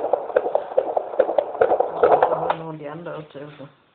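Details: Fetal heartbeat of a baby boy at 27 weeks of pregnancy, heard with a midwife: rapid, regular whooshing at about 140 beats a minute, with a woman's voice joining partway.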